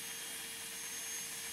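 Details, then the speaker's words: Steady high-pitched whine with hissing spray as a long root tip bur sections a dog's second maxillary molar (210) into three roots during surgical extraction, cutting straight across first to release the palatal root. "so here I'm putting on a long it's called a root tip Burr and so I'm sectioning this tooth into the three roots so first I'm always going straight across here to release the palace or root"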